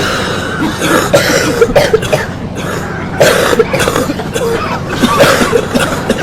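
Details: Repeated short, harsh adult coughs in several clusters over a steady background hum from air conditioning running; an ongoing cough.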